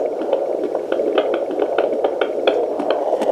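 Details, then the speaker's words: Fetal heartbeat at nine months of pregnancy, a baby boy, heard on a handheld 2 MHz pocket fetal Doppler: fast, rhythmic whooshing pulses at about 136 beats a minute. "that's the baby right now the heart rate is down 136 and"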